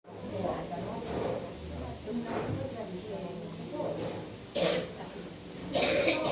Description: Candid recording of a mature Italian female smoker (approximately mid-sixties) coughing in a busy restaurant.